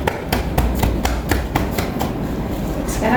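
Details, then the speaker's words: Chest physiotherapy demonstration for postural drainage in a woman with COPD (PPOK), head bowed: rapid hollow claps on the chest/back, 20 claps in 10 seconds, about four a second, to loosen airway secretions. "Terus sekarang saya akan melakukan tekukan pada dada Ibu ya. Ap bisa menundukkan kepalanya. Saya akan melakukan tepukan selama 20 kali dalam 10 detik."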